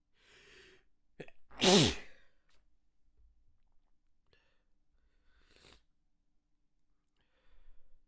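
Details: Sneeze fit: a quick inward catch of breath, then one loud voiced sneeze, with softer breathy sounds after.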